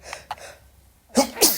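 A quick indrawn breath, then a loud, sharp explosive burst of air; a single sneeze.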